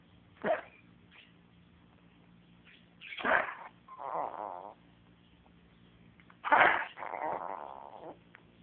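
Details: Pet (Linus) with new cough: three sharp coughing bursts, two followed by a harsh, rasping drawn-out sound.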